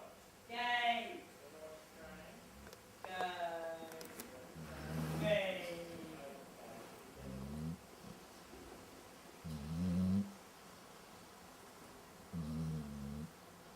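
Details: Dog, Ali, still awake with eyes open, making low, rough, rumbling snore-like breaths in bursts roughly every two to three seconds; snoring.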